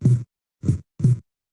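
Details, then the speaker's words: Normal first and second heart sounds, played in an undergraduate cardiac auscultation lecture: two low, dull thumps, a 'lub' (S1) then a 'dub' (S2). "هو الصوت ده، الصوت بتاع اللبضب كده، ده فيرست ساوند سكند ساوند."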